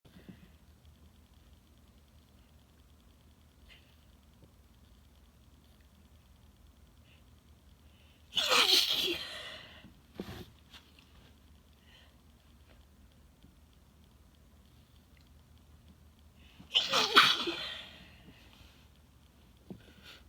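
Two forceful, explosive sneezes about eight seconds apart, the first followed by a brief sniff, in a quiet room.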